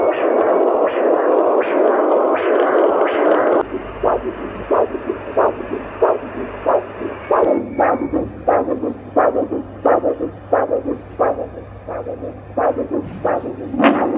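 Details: Rhythmic whooshing pulses at about 90 a minute, each a sharp rise then fall, after a noisier start, from an 8 MHz vascular Doppler probe on the limbs (finger, wrist, arm, foot sites shown): arterial Doppler flow signal.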